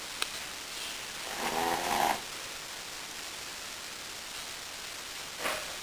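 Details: A Brussels Griffon dog asleep in his favorite position gives one short, buzzing snore followed by a faint snort: small dog snoring.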